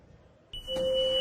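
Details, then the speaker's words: Sampled emergency cardiac monitor alarm tone played on a keyboard sampler: a sharp electronic tone joined by a second clashing steady tone, a dissonant hospital monitor alarm. "I sampled this sound into this sampler connected to (indistinct) live, emergency alarm, cardiac monitor, these tone, if I play on keyboard, it's like that it's a dissonance."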